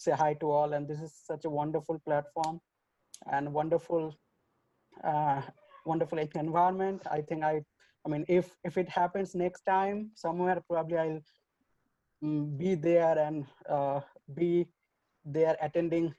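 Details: 27-year-old who self-identifies as a person who stutters, speaking at a stuttering association online open mic; stuttering.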